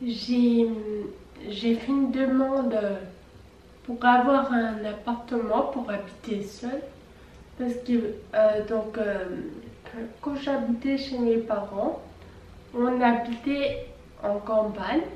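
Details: 26-year-old French-speaking woman with Friedreich ataxia, a genetic neurodegenerative disease, who says the disease makes her speech slow and quiet; ataxic dysarthria.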